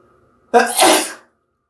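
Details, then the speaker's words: Pepper-induced sneeze after sniffing black pepper: one loud sneeze with a sharp burst trailing into a drawn-out voiced release, in a quiet room. "Hello, I'm gonna sneeze. With pepper. Happy Valentine's Day."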